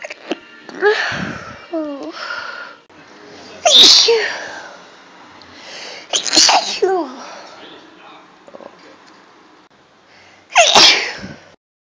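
Several sharp, explosive sneezes, three loud ones, with sharp intakes and short voiced sounds between them: repeated sneezing.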